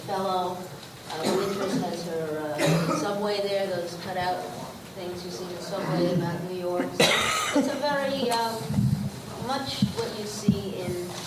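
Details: Adult woman speaking; typical speech.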